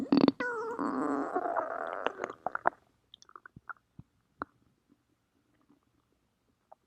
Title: stomach growling